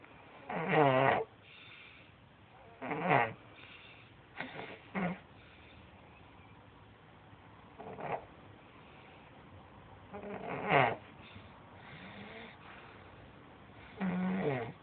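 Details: Loud snoring likened to a chainsaw: irregular, rattling snores, about six in fifteen seconds, with quiet breathing between.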